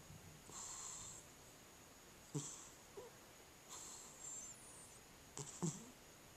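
Faint, high, whistling snores from a sleeping cat, a few soft breaths over several seconds in a quiet room.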